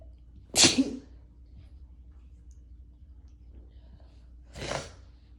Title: Strong sneezes and a visual